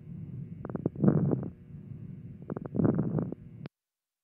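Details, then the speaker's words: Teaching recording of inspiratory and expiratory crackles (moist rales) in pneumonia: bubbling, popping crackles through both inhalation and exhalation. "lesson 4 inspiration and expiration crackles or most rails"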